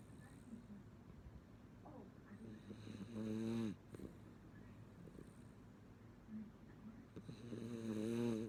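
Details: Female miniature schnauzer whose snoring gets louder when the TV is turned up: two loud, rumbling snores with a vibrating, fluttery tone, separated by quieter breathing; snoring.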